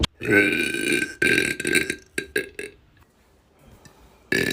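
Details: Long, loud voiced belch followed by several shorter burps, then quiet room noise: burping.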